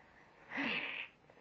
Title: fake sneeze 2